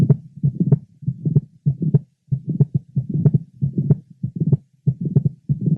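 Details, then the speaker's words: Apex of a 23-year-old woman with mitral valve prolapse; multiple rapid successive crisp systolic clicks in mid to late systole. "this is a 23y old lady who has mitro valve prolapse manifested by the scul foundings of multiple rapid successive syst clicks hered to Apex"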